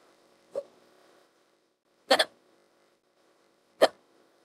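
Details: Simulated, AI-generated female character hiccups, audio extended with added hiccup clips: three abrupt, uneven hiccups over about four seconds from a synthetic voice.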